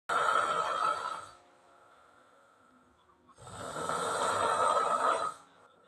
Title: ada yang ngorok🤣🤣🤣🤣🤣🪤